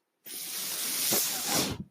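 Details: Speaker's own mechanical ventilator heard while he talks: a steady airy hiss of about a second and a half that fades as it delivers a breath.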